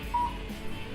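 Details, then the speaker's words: A single short electronic beep over low room hum from a cold (low-level) laser therapy device running a plantar fasciitis program for plantar heel pain; cold laser therapy device beeping. "The beautiful thing about this technique is you hear the machine beeping, you know it's"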